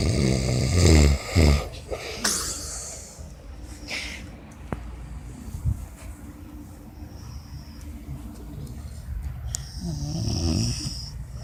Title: Snoring up a storm